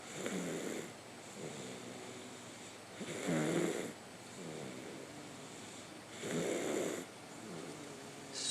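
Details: A young boy napping after a bath: soft, regular snoring on each breath in, about 20 breaths a minute, with quiet exhalations between; ordinary sleep snoring.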